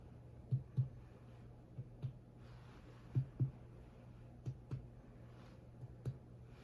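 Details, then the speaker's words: Abdominal percussion during a health assessment: five pairs of soft, low finger taps, mostly hollow tympany with dullness in some places. "so I heard timpani and most of the places in some places it was dull"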